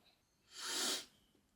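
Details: Blooper sneeze: one soft, hissing sneeze, mostly air with little voice, in a quiet room.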